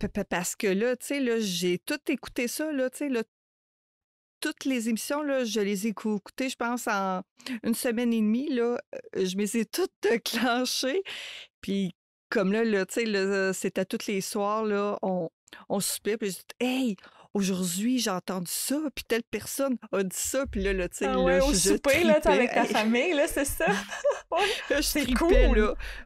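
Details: Adult woman who stutters, mother of two teenagers, speaking spontaneously in a French podcast conversation; stuttering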